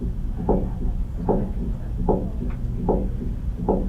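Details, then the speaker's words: Teaching recording from a cardiovascular exam lecture: a regular heartbeat near 75 per minute with an extra soft, low sound just before each first sound, a somewhat louder S4 example: fourth heart sound (S4 gallop). "This is S4. S4 is a little louder."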